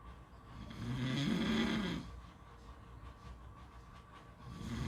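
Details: Rough, vibrating snores on inhalation roughly every four seconds, with faint background noise, possibly at a beach; typical snoring.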